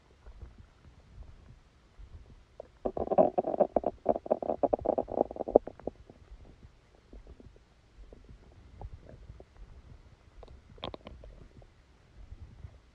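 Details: Stomach sounds recorded during a stomachache after Christmas dinner while the person slept: gurgling, bubbling rumbles, loudest in one burst of a few seconds, then scattered soft gurgles; active bowel sounds.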